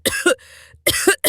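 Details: Acted coughing by a female voice actor: two sharp, harsh double coughs with a brief breathy pause between them.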